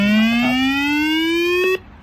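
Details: AED trainer (model XFT) charging before a shock after pads are applied to a manikin: a steady electronic tone rising slowly in pitch for about two seconds, then stopping.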